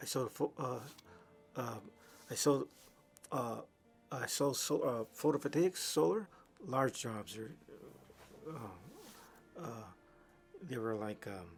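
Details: Adult man with aphasia from a massive stroke 3 years earlier, before brain training; much language regained but fluency still impaired; non-fluent aphasia.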